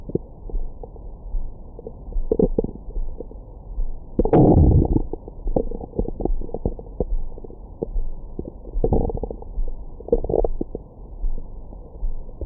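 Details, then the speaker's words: Adult's abdomen recorded with a Stemoscope stethoscope microphone after a large meal: irregular gurgling and rumbling bowel sounds of active digestion; stomach growling, bowel sounds. "뱃속 안에는 다양한 생물들이 살고 있어요. 안에 뭔가 화가 잔뜩 나신 아주머니도 계시는 것 같고 막 한 번씩 아 이런 느낌의 사운드도 들어보실 수 있습니다."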